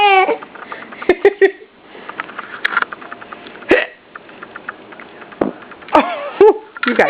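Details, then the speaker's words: About five abrupt hiccup catches in seven seconds among baby sounds and adult talk, a baby boy and his parent both having hiccups; hiccups. "You poor thing, you have the hiccups too."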